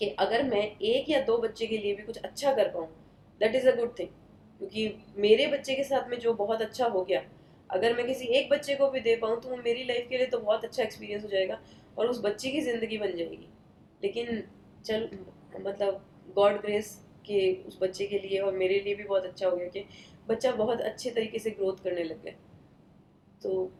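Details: Adult woman speaking; typical adult speech.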